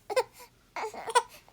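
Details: Newborn boy aged 5.5 weeks just woken from sleep, apparently hungry: two short fussy cries with soft whimpers between; an ordinary infant waking cry.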